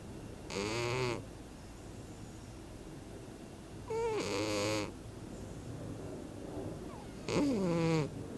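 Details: A sleeping cat snoring again: three rhythmic, brief, rattling, slightly whistling breaths, about 18 a minute, against a quiet room background.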